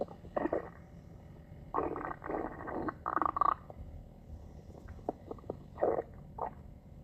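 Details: Borborygmi (stomach growling): irregular gurgling, rumbling bursts of gut noise over a quiet background from gas and fluid moving through the bowel.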